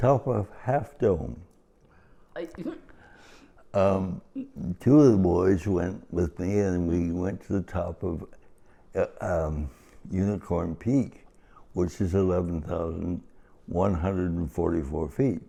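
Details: Adult man with cerebral palsy, described as talking and walking differently, who met his wife 57 years ago; dysarthria (cerebral palsy).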